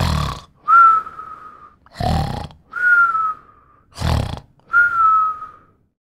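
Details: Rough, rattling snores on each breath in, each followed by a high whistle on the way out, three cycles in six seconds; sound-effect recording: snoring.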